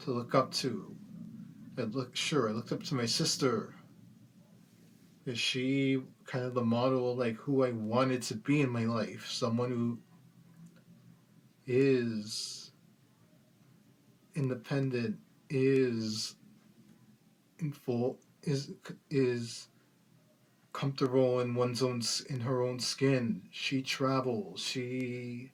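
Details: Adult man with cerebral palsy since birth after premature delivery, with speech problems treated by speech therapy while growing up and now much less obvious than before; mild speech impairment in cerebral palsy.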